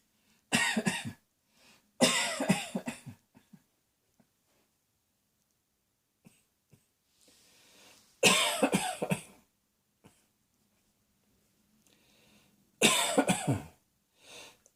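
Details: Adult with a persistent, ongoing cough: four bouts of harsh, repeated coughing, each a rapid burst of several coughs, separated by quiet pauses; recurrent coughing fits.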